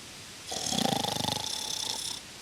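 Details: A single buzzing, fluttering snore lasting under two seconds, from a 3D animation about how to stop snoring.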